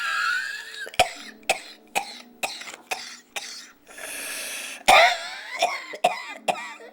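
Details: About ten harsh, wet-sounding coughs in bursts ending with throat clearing; an impression of a smoker's cough performed in a comedy skit, not a real patient.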